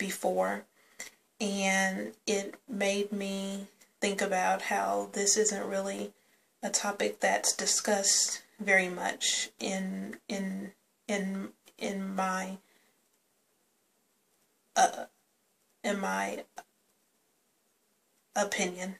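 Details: Woman who stutters, speaking spontaneously; stuttering with word repetitions.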